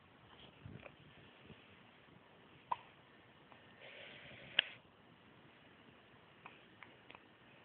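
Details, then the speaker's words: Hiccups in a 6-day-old infant, her second episode: several soft, abrupt catches of breath at irregular intervals in a quiet room. "Oh, that was a"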